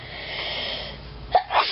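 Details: A drawn-in breath followed by one explosive sneeze and a short after-burst; ordinary sneeze.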